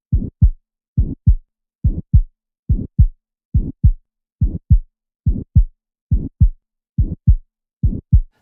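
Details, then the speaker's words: Aortic stenosis: systolic crescendo-decrescendo murmur loudest at the right second intercostal space, starting after an ejection click and ending at S2; regular heartbeat near 70 a minute with a harsh rising-and-falling murmur between S1 and S2. "if you can tell this is a systolic murmur that's loudest in the aortic position the right second inter space you should be able to guess that it's aortic stenosis"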